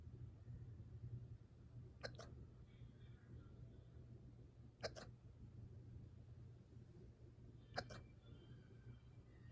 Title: Dog hiccups